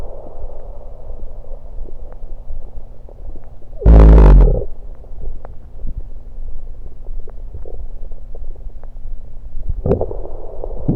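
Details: Stomach and bowel sounds recorded over the abdomen while gulping down Diet Pepsi, with burps.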